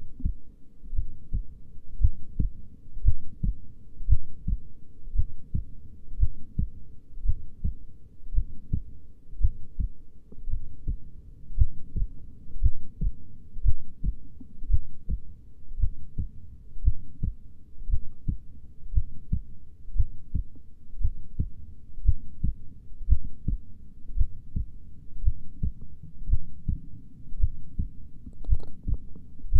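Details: Steady low-pitched heart thumps at a slow rate of about 58 beats a minute; slow heartbeat.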